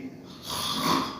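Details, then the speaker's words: Snoring during sleep, the noisy breathing sounds a sleeper makes, presented in an introduction to snoring and sleep apnea. "आप सब लोग जानते हैं कि खराटे नींद में आते हैं। किस तरह बंदा आवाजें ले रहा होता है, बंदा या बंदी"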